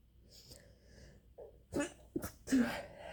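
A quick inward breath, then a sharp, explosive burst with a short follow-on burst: a sneeze.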